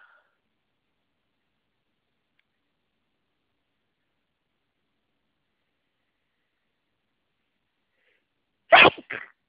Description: I hate tree pollen! Just one of the many pollen related sneezing fits I have on a normal spring day.